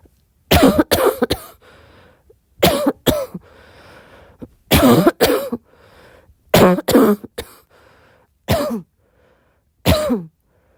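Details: About a dozen harsh coughs in clusters of one to three with quiet breaths between, a coughing attack at 4am in a girl, tagged barking cough and wheezing; coughing fit.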